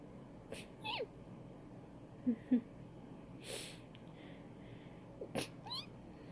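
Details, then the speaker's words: Repeated small sneezes from a cat: several short, sharp nasal bursts mixed with small cat vocal sounds. "'m sorry i've been sneezing all morning so"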